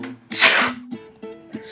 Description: you guys asked for it, so here it is, a video of nothing but sneezes